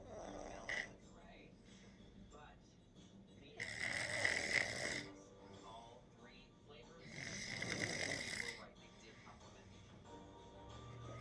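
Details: Loud snoring: two loud, rough snores on breathing in, with quiet gaps between and music in the background.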